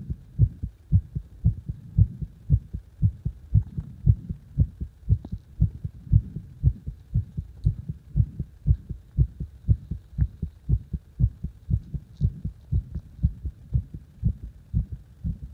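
Strong, regular thumping heartbeat at about 118 beats per minute, each beat loud and forceful.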